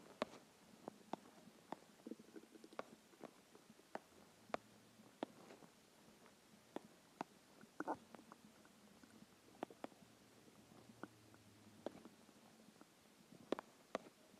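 Quiet gurgles, clicks and low rumbles from the belly; ordinary hunger growling of the stomach, a normal finding.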